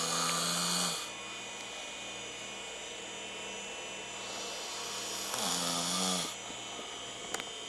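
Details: Own sleep recording: two long, rough, vibrating breath sounds several seconds apart with a steady room hum; snoring.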